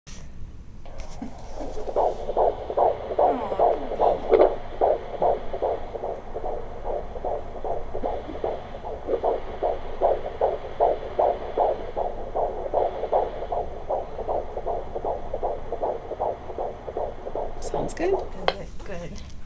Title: hearing our baby's heart beat